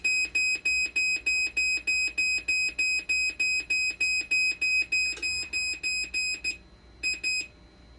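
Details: Dialysis machine under repair for persistent conductivity failure, 12-volt and BP cuff problems, with boards swapped and a sending-data mismatch: fast, regular high-pitched beeping about 200 a minute, briefly stopping then resuming; dialysis machine alarm.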